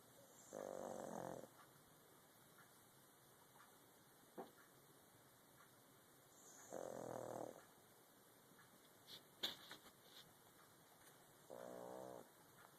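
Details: Pug (flat-faced dog) snoring: three short, rough snores about five seconds apart, around 12 breaths a minute, in a quiet room.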